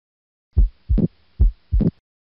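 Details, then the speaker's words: Mitral valve prolapse, loudest at the mitral area: two heartbeats, each with a mid-systolic click followed by a late systolic regurgitant murmur running up to S2. "so here's your mid-systolic click we just talked about that and then after this we can get some regurgitation and some turbulent flow that results in a murmur that ends at s2"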